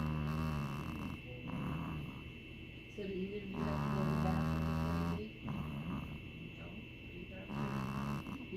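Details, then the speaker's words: Sleeping dog snoring, thought to be dreaming: low rumbling, throaty snores with a growl-like quality over a steady background hum; ordinary sleep snoring. "He's sleeping. Oh my gosh. He sounds like he's growling almost. He's dreaming."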